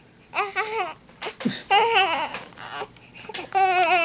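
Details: A baby crying with repeated wavering, strong-voiced wails and catchy breaths between them.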